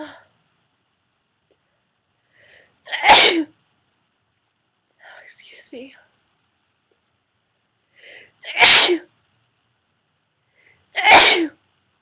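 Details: Deliberately induced sneezing by a woman, recorded on a webcam: three forceful sneezes, each preceded by a brief inward breath, with soft breathy build-up sounds between; repeated sneezing.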